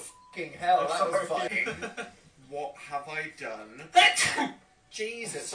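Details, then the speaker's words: Talk interrupted by a sharp, forceful sneeze burst near the end, from a man who says he is allergic; sneezing. "Christ. Bless me. That was violent."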